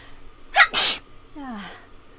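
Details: A single sharp sneeze with a quick intake before it, then a brief voiced sigh; sneezing.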